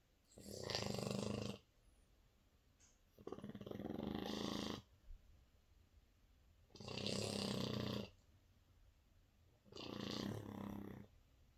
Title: French Bulldog Snoring! Winston (4 months) So cute!😂😂